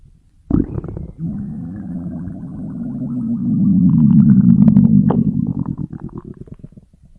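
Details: Stomach growling: a long, low gurgling rumble that swells, then breaks into quick bubbling pops before fading; ordinary borborygmi.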